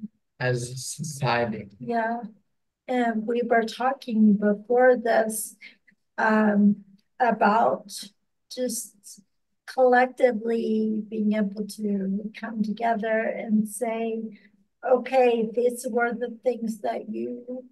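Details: Podcast host with ataxia who reports doing extensive work on word pronunciation, type of ataxia not stated; ataxic dysarthria.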